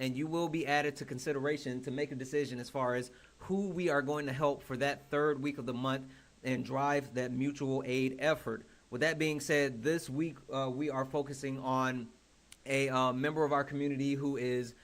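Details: Adult speaker; Normal voice.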